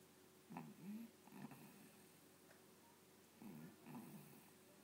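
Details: Sleeping dog that the owner calls a sick baby; low, rumbling snorts come in pairs with each breath, with a quiet pause between; snoring.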